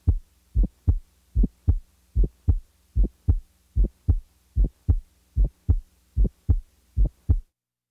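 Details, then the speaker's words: Patient with mild aortic stenosis: sharp, high-frequency clicky heart sounds at about 75 beats a minute; an early ejection sound from semilunar valve opening comes shortly after the first heart sound. "sound the following example was was taken from a patient with mild aortic stenosis"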